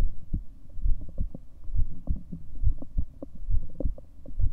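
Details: Recording of the person's own heartbeat: muffled, low thumping beats at about 70 per minute with rubbing noise in the background.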